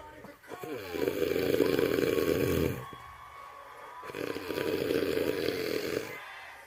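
Two long, loud, rough rumbling snores, each lasting about two seconds, with a quiet pause between them.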